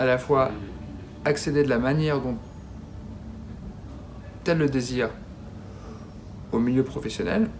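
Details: Adult man who has stuttered at least since his school years, describing it as a daily disability shown as repetitions and blocks: stuttering.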